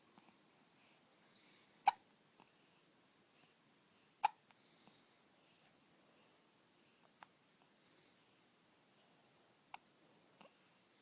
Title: Cutie pie at 2 weeks old hiccups